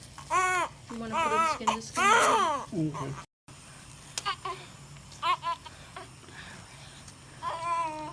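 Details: Newborn baby boy just after birth: several bursts of high-pitched wavering crying with short pauses and room noise; a normal newborn cry.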